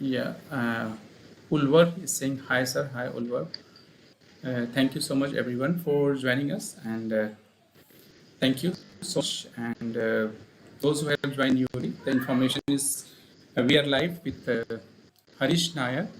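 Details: Adult male speaker; ordinary speech.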